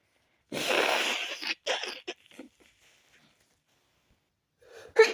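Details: Stifled sneezes after the windows were left open overnight, leaving a very tickly nose: a sharp breathy burst, short muffled puffs, a brief gasp, then another burst.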